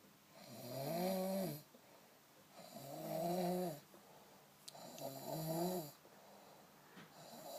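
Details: Loud, rhythmic, rumbling snores on each breath, about 28 a minute, with steady snoring during sleep; snoring.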